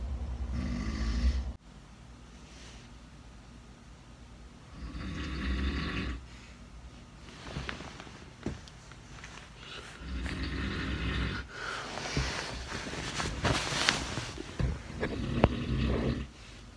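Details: Father of a 17-year-old snoring loudly while really asleep in a shared room at a lake in summer: loud, rough, rumbling breaths recurring every few seconds; heavy adult snoring.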